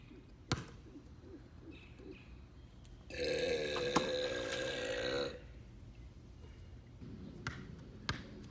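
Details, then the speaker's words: Person doing pool basketball burps: one long, loud, voiced deliberate burp lasting about two seconds, with quiet outdoor background and a few splashes; belch. "and today I'm doing pool basketball burps."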